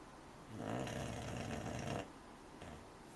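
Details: A soft, rough, fluttering breath of about a second and a half in a quiet room from a sleeping American Cocker Spaniel puppy; normal puppy snoring.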